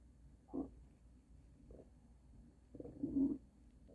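Two low gurgling rumbles about two and a half seconds apart, the second longer and louder: stomach rumbling, a normal gut sound.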